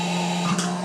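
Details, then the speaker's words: Comfort Cough Seoil Pacific SICC2001 New mechanical insufflator-exsufflator (cough assist) running with set pressures (e.g. 30) and timings, cycling exhalation, pause, inhalation: steady motor hum with rushing airflow that briefly changes near the end. "запускаем и он будет при заданных параметров проводить процедуру пудов пауза вдох"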